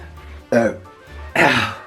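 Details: Woman repeatedly burping, feeling gassy: two short, low, rumbling burps with music playing in the background.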